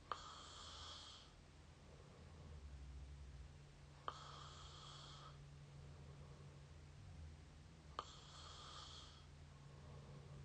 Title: up close mouth snore pt 8